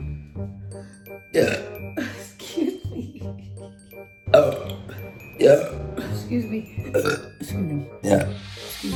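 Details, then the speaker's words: Woman's burping compilation: several loud, low, rumbling belches of voiced air over steady background music, each followed by "excuse me". "All right, first burp of the day. Excuse me."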